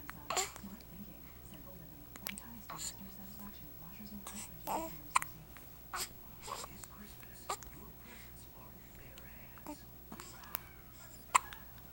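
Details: Infant with hiccups: brief sharp hiccup sounds every second or two, with soft infant fussing and quiet adult voices.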